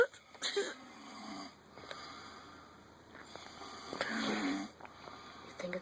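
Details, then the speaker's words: Long, rough, rattling breaths with a wheezy edge, repeating slowly, from a man asleep on a couch in a camper, with faint room noise behind; loud snoring. "we can't see him but you can hear him no we're not being attacked by wild animals that is a human that is a human being sounds like [ __ ] a losing cat like a [ __ ] baby walrus trying to get out of the uterus or something"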